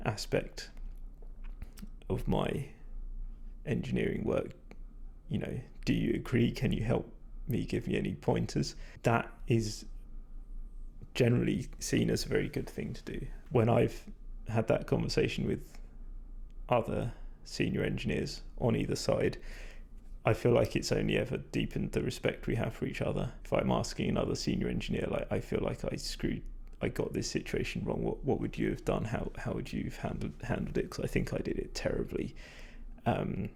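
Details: Vocal fatigue in a male speaker, which he attributes to talking a lot without drinking enough; he says his voice is degraded, stressed and not at its peak condition.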